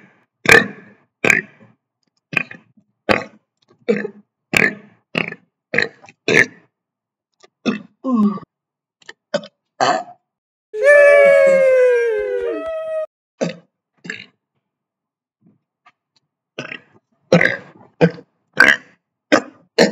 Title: Burping for 1 minute 20 seconds straight